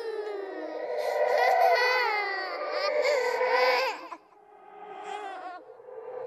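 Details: Horror sound-effect track of a ghostly baby crying: wavering, high-pitched, drawn-out wails trailing into softer whimpers. The cry is composed with other creepy sounds.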